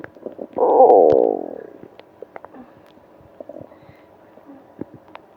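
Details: Stomach ache on a business trip, with moaning: a loud, drawn-out gurgling rumble from the belly, then scattered small gurgles and clicks, active bowel sounds (borborygmi).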